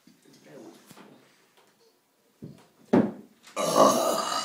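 Low, throaty belches after quiet voices in a small room, ending in a long loud burp; deliberate burping.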